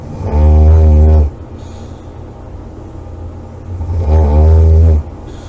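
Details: Two loud, deep, rattling snores on the in-breath, with quiet out-breaths between them; heavy snoring.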